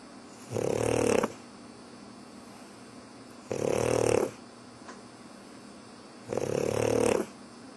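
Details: Pug dog, possibly pretending to sleep, gives loud rasping snores on each breath in, three in eight seconds, with quiet pauses between; typical flat-faced dog snoring.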